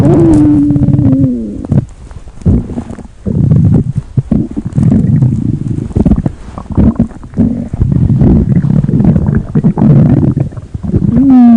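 Loud, low gurgling and rumbling with bubbly bursts, ordinary stomach growling.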